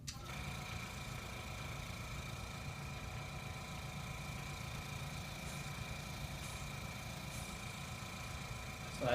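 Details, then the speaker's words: Suction machine switched on and checked before tracheal suctioning of a patient: steady low motor hum with a constant whine. "so after I've done this I'll go ahead and check the suctioning and drain the hose"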